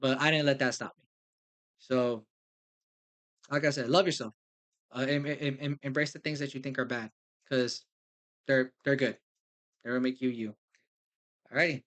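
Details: Man with lifelong stuttering, conscious of it since third grade, says it will probably not go away; stuttering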